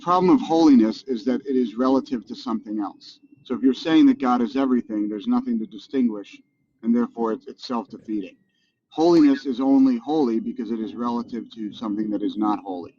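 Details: Adult male speaker; normal voice.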